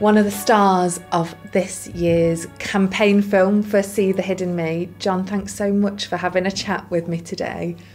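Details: Adult woman interviewer; normal fluent speech.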